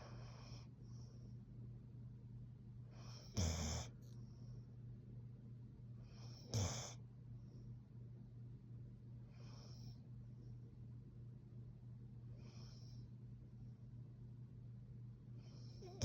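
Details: Female Plott hound mix dog asleep: soft snuffling snores about every three seconds, with an occasional sharper snort over low room hum.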